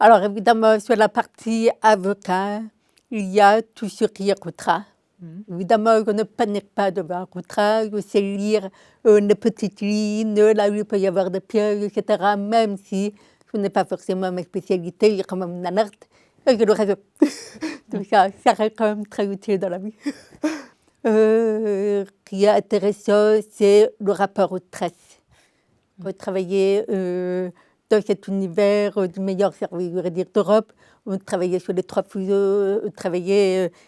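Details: Adult woman deaf from birth, diagnosed at 9 months, told she would never speak, who learned speech through 20 years of speech therapy three sessions weekly; deaf speech (congenital hearing loss).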